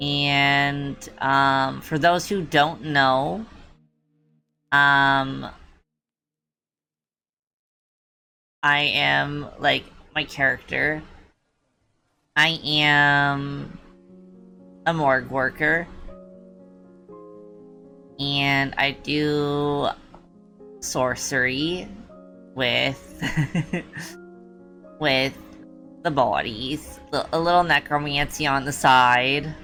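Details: Streamer who self-reports a speech impediment they try hard to hide, with the word 'omniscient' as a known stutter trigger; this stretch leads up to that word. Stuttering.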